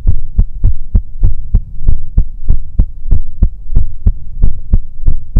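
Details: Binaural 3Dio ASMR sleep-aid recording, presented as listening to a sleeping character's chest; soft, steady, muffled normal heartbeat at about 95 a minute over low background hum.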